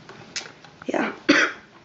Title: Girl coughing 22